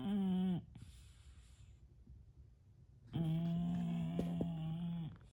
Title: Snoring and REM sleep Bulldog